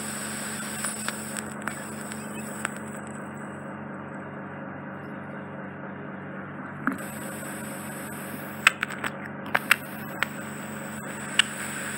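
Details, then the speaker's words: Microsuction ear wax removal off the eardrum, bilateral procedure: steady suction hiss with scattered sharp crackles and pops as wax is drawn up; the skin is what makes the high-frequency squeal; ear microsuction. "So that's the skin, that's what's making that high frequency squeal."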